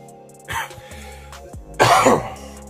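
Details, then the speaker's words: Adult man coughs two brief bursts over steady background music and says his cough normally sounds rougher: cough. "Ooh, that cough sound good. My bad. That sound better. Normally it sound a little rougher than that."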